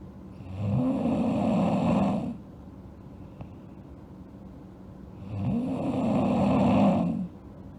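Two long, rough, rattling breathing sounds with a quiet pause between them: snoring during sleep.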